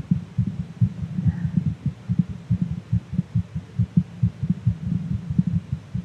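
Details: Fast heartbeat of a VTuber extracted from a live stream, described as too fast to be calming; rapid, regular low thumping with paired beats at roughly 130–140 a minute over a steady hum; normal heart sounds, fast rate.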